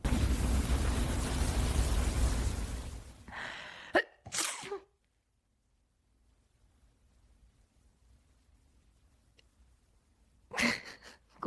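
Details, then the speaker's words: AI-generated (Sora2), simulated person sneezing: loud rushing noise fades, then two sharp sneezes and a later pair of bursts, with quiet breathing between. "あ、へっち、すごい出た。あ、また、へっち、はあ、あっち。"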